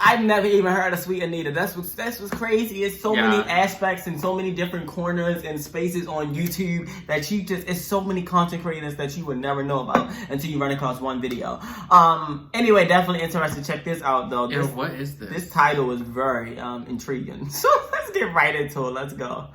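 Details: Adult man; typical speech.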